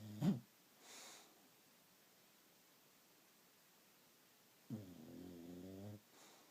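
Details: Bulldog snoring: one short and one longer droning snore about a second long, with quiet pauses between; ordinary dog snoring.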